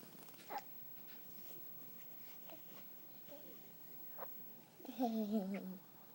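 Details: Newborn baby girl, less than one day old, 7 lb 11 oz and 21 inches: small, sharp hiccup catches every second or two, then a brief baby vocalization; infant hiccups.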